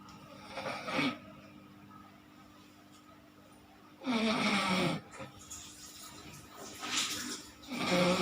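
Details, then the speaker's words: Adult man (the speaker's husband) snoring while asleep: rough buzzing breaths recurring about 16 a minute over a steady background hum. "আমার husband শুনতে পাচ্ছেন কেমন নাক ডাকছে"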